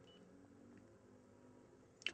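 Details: Animas 2020 insulin pump beeping at the end of a 5.85-unit bolus injection, entered from the pump's suggested dose: insulin pump end-of-bolus beep.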